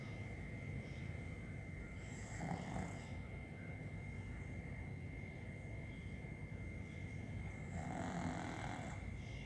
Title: funny pekingese dog snoring